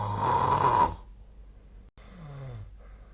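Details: Snoring during sleep recorded on 2025/02/08; snoring.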